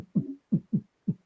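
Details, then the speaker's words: A man's voice imitates heartbeat thumps in a lub-dub rhythm, vocally mimicking normal heart sounds; not a real recording. "Wow qué bien imita El sonido del corazón"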